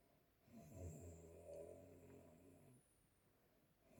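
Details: Grandma snoring in sleep: a single soft, vibrating snore on the in-breath in a quiet room.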